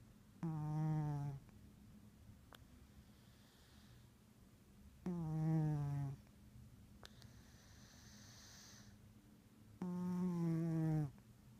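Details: Orange tabby cat snoring in sleep: loud, buzzing, droning snores about 13 a minute, separated by quiet pauses; steady sleep snoring.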